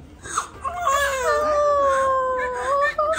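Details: Vigorous first cry of a newborn baby boy just after hospital delivery at term: strong, sustained wail with clear tone rising and falling in pitch, healthy-sounding.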